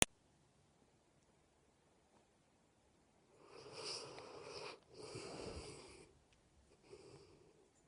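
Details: A mastiff sleeping with his head on the pillow, snoring and smacking right at the owner's ear: close, hissing, raspy in-breaths with soft snuffling, consistent with light snoring.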